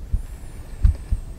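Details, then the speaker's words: Stethoscope at the tricuspid area, fifth intercostal space, lower left chest, during an undergraduate cardiovascular examination demonstration with a held breath: low, regular heart sounds at about 75 beats a minute over faint background noise. "now i'd like to listen for the track of speed buff which located at the feet intercostal space"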